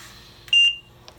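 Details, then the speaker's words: A single short, high electronic beep from a Trilogy home ventilator after the right key is held down, unlocking the keypad so nebulizer mode can be enabled during treatments; a normal device tone. "Okay, so you're going to hold down the right key once again until the alarm beeps."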